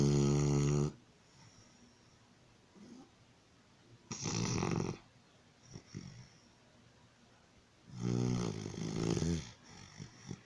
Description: My puppy fell asleep after his shots and this is what he started doing... very funny!!!!!